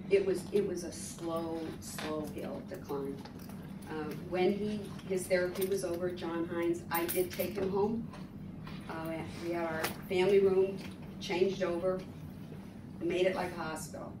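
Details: Adult woman speaking; typical speech.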